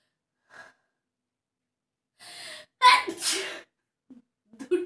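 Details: Self-induced sneeze in a sneezing-challenge clip: a hissing intake builds into one sharp, explosive sneeze, followed by soft breaths and a small vocal sound.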